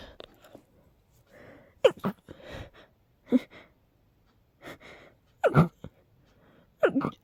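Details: Person with a cold and allergies, having intense sneezing episodes every couple of hours, gives four forceful sneezes in quick succession, each after a sharp inward gasp; sneezing fit.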